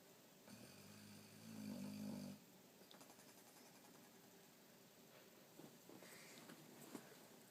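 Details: Sleeping Boxer dog snoring like a human: a loud, low rumbling snore, then quieter breathing noise with a few faint snorts.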